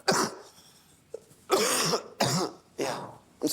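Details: An adult gives a run of short, harsh hacking coughs and throat clears, about five bursts in a few seconds, teased by others as "hacking": cough and throat clearing.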